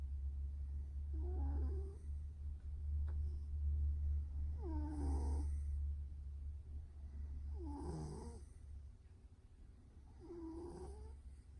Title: Fat Louie the snoring cat